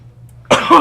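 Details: A single short, somewhat muffled cough after a brief quiet moment, from an adult acting out a cough in a staged public-health commercial about coughing into your sleeve instead of your hands.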